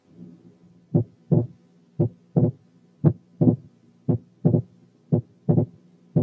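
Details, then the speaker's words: Right bundle branch block, a quiz case: regular heart sounds about 58/min, with wide but variable splitting of the second sound. "رقم تلاتة كان wide but variable splitting of the second sound في حالة right bundle branch block،"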